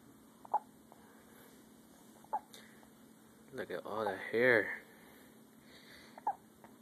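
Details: Baby son's first hiccups: three short hiccups about every two seconds, with a brief fussy baby vocalization between them, as he is urged to hold his breath.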